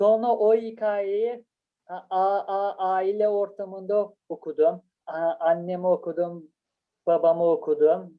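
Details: Adult speaker; stuttering.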